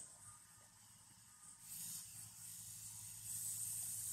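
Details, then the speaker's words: Quiet airy hiss that rises and strengthens after a soft start: the built-in electric suction of a TAOS1800 dental chair running, described as very silent, with strong and weak suction settings. "this chair with one unique fashion it is built in electric section it is direct with the photo and we will see is working so we open it we will see is working it is very silent"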